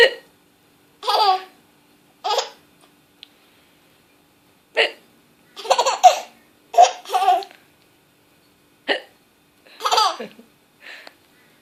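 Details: Baby aged 8½ months laughing at hiccups: short, abrupt hiccup bursts at irregular intervals mixed with laughter.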